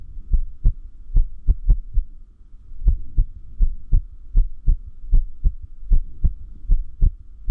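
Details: Irregular heartbeat (arrhythmia) sound, from someone who notes arrhythmia increases with sleep deprivation.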